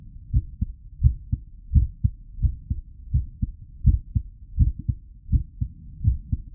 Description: 🎧 Heartbeat pulse medium rate real sound, SOUND EFFECT